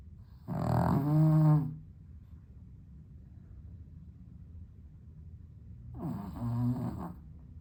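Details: Sleeping dog with sleep apnea, somewhat improved on heart medication, on a very hot 32°C day without air conditioning: two loud rattling snores about five seconds apart with quiet breathing between; snoring with sleep apnea.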